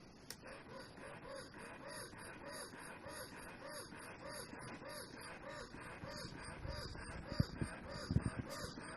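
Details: Medela electric breast pump running for a noise comparison with the quieter Spectra 2: rhythmic mechanical whooshing and whirring cycles, about 80 a minute, fairly loud, with faint room noise.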